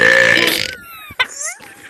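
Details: Loud, croaky belch lasting about a second, followed by brief voice sounds, during a Gorilla Tag VR session; speaker mentions coughing and pollen.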